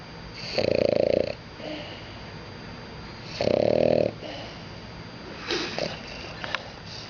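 Loud, rattling, buzzing snores about three seconds apart, with softer noisy breaths between; snoring.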